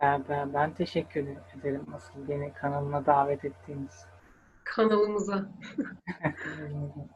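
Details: 23-year-old male medical student with stuttering since early childhood, who has attended stuttering therapy courses; stuttering.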